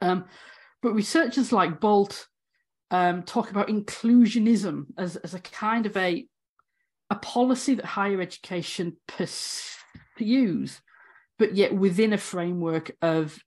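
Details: Stammering (stuttering) in an adult woman academic who has stammered throughout 18 years as a higher-education lecturer.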